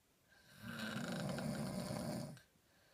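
One long, steady rattling snore on an inhaled breath, lasting about two seconds, in a quiet room.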